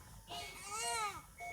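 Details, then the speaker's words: Newborn in a NICU crying: a single rising-and-falling wail, a normal-sounding infant cry. "তারই পাশে আকাশই nurse এইযে এখানে একটা বাবু কান্না করতেছে"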